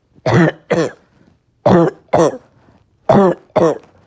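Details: Three pairs of forceful, harsh coughs, six in about four seconds, from a person with a bad cough all day who feels tired and has chest pain. Persistent cough.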